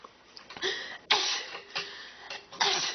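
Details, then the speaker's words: Series of sharp, explosive, hissing human sneezes in close succession, illustrating different sneeze styles such as many sneezes in a row. "we all have our signature sneezes so you have the blood crowing screamer sneezes I'm going to have my brains come out my ears type sneezers you have the little cute little puff sneezes and my personal favorite the like 1000 sneezes in a row"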